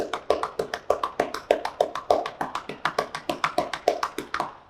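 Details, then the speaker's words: Rapid hollow clapping, about 200 claps a minute, from one-handed cupped-hand chest percussion over the right upper lobe in postural drainage, typically 5–10 minutes, followed by coughing and huffing, to loosen secretions. "you usually do 5 to 10 minutes of the percussion and then you want them to cough and cough"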